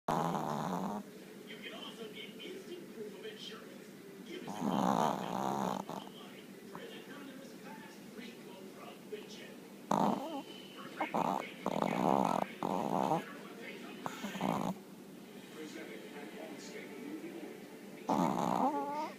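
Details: Chihuahua snoring: snorting, rattling, irregular snores from a small dog, with some background talk.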